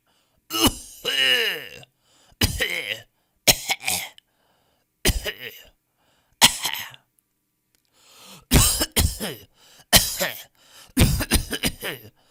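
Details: Stock audio of people coughing in different styles: about eight separate coughs and throat clears in varied styles, in a quiet room.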